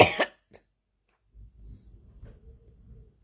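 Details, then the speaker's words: Adult's cough returning on waking early morning after barely coughing the day before, with lungs reportedly clear the previous day: a single loud, harsh cough burst with a faint follow-up, then quiet room rumble. "I went from having no coughs yesterday to cough in up a storm this [Music] morning so there's your evidence right there right there"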